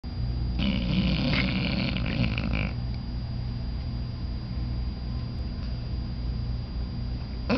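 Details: Yoko, a pit bull guard dog, snoring while asleep: low, rumbling noisy breathing with a louder rattling stretch at the start.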